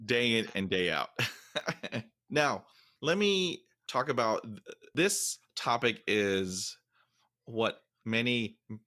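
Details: Stuttering in a 47-year-old adult male, present since fifth grade, with repetitions and fillers, real speech.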